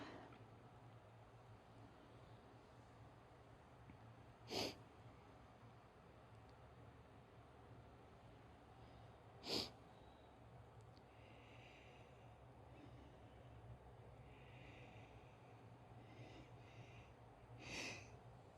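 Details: Repeated sneezing from a female: three short, sharp sneeze bursts about five to eight seconds apart over a steady low hum.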